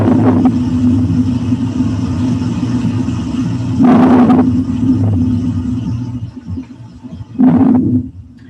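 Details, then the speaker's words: Normal vesicular breath sounds on lung auscultation, air moving in and out of the lung parenchyma: soft, rustling breaths rising and falling over a steady low hum. "é o famoso muro vesicular é o ar de boa é o ruído normal do parênquima pulmonar"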